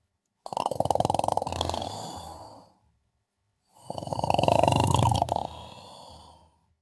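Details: Person snoring while asleep: repeated snorting snores.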